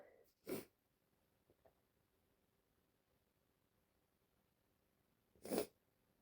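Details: Female, from a compilation of her sneezes: two brief explosive sneezes about five seconds apart in a quiet room.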